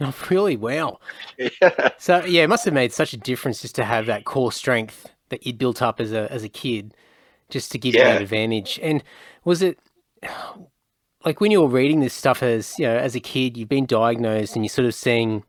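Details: Adult male speaker; typical speech.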